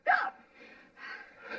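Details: Acted film scene: a woman with hiccups is being startled to cure them, giving a sudden sharp catch of breath, a gasp, then quieter breathy sounds.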